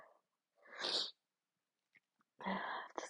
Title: Just laying in bed half-stifling an induced sneeze fit